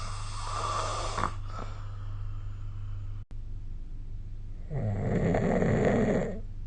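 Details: Snoring recorded during sleep with a snoring-recording phone app; loud rough snores with snorting on the in-breath over a steady low hum, occasional moan; heavy snoring.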